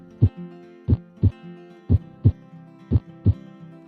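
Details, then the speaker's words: Paired lub-dub beats at about 60 a minute, clean with no whooshing, heard with the ear on a child's chest; normal heart sounds with valves opening and closing properly. "Sometimes as we're talking, I lay my head on each of their chests and listen as their hearts pump. One heartbeat is the textbook loved dub sound. The kind of beat that tells you his heart is working well."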